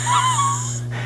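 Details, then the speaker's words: Imitated wheeze by a paediatrician: a high, whistling musical tone over a breath, illustrating a child's true wheeze that raises concern for asthma or pneumonia. "but a wee a Weise is going to sound like this and this makes us worry about asthma or pneumonia"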